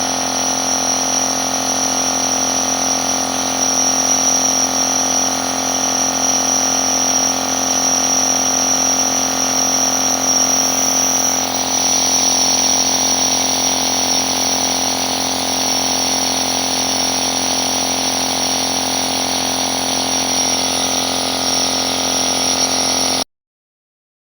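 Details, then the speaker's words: Sanitas SIH compressor nebulizer delivering 5 ml of hypertonic inhalation solution, which takes about 8–10 minutes, for cough and runny nose: a steady, loud mechanical hum and hiss with no breathing or speech. "The inhalation takes about 8 to 10 minutes for these 5 milliliters of solution now"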